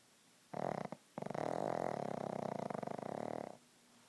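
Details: Sleeping pug snoring: a long fluttering, rattling snort-snore of about three seconds with a brief break early on; noisy flat-faced dog snore.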